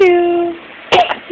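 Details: Young girl's sneeze: a voiced, rising 'ah' intake, brief pause, then a sharp explosive burst of air.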